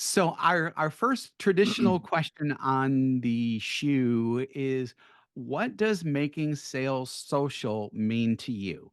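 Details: Adult male speaker; normal speech.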